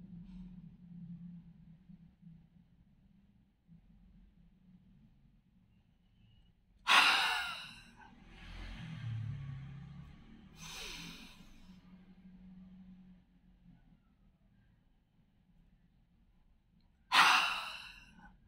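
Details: Forced exhalation (huff) breathing exercise for cough, done after inhaling and holding 2 seconds, meant to bring up phlegm: three sharp, forceful mouth exhalations separated by quiet pauses and a softer breath.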